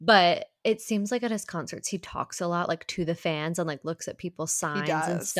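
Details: Adult woman speaking; Normal speech.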